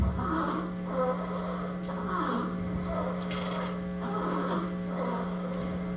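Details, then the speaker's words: Infant with stridor from airway obstruction, audible at a distance: rapid, harsh, noisy breaths at about 60 a minute caused by turbulent airflow through a narrowed airway. "Y ese es el famoso estridor con el que pueden llegar los niños."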